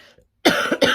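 After a brief quiet moment, an adult gives a quick run of two or three harsh, dry coughs, consistent with throat irritation.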